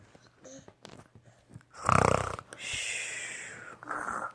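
A rough, fluttering snore on the in-breath followed by a long whistling out-breath; soft room noise.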